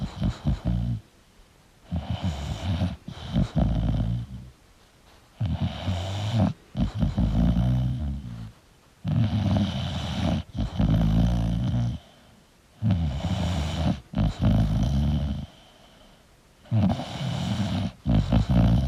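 Loud, rattling, rough snores with brief pauses, about 17 breaths a minute; heavy snoring in a sleeping flat-faced dog.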